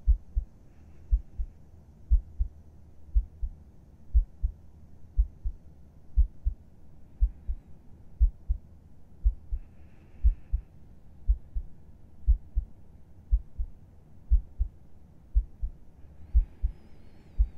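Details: ASMR roleplay recording of the narrator's own heartbeat as if heard with a listener's head resting on their chest: steady, soft double thumps at about 60 beats a minute over faint room hiss; a calm, regular heartbeat.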